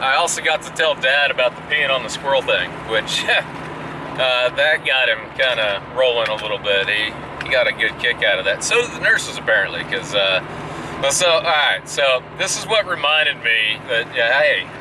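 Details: Adult man speaking; ordinary speech.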